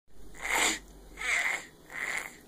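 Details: A vocal imitation of a baby's heartbeat: three short hissing, breathy bursts in quick succession, like repeated small sneezes.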